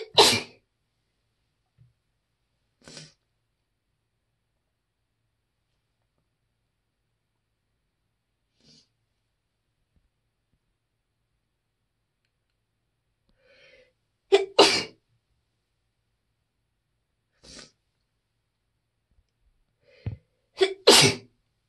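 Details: Several deliberately quieter, stifled sneezes from a person who usually sneezes very loudly; each short, sharp burst is preceded by a quick intake of breath.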